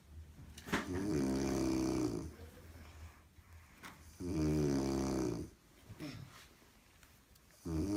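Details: Loud, rattling, low-pitched snores on each in-breath, about 18 a minute, with quieter breathing between them in a quiet room: heavy snoring from an adult woman napping on a couch.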